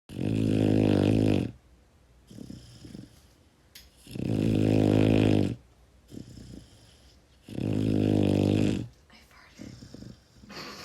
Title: Pitbull puppy snoring while cuddling with his owner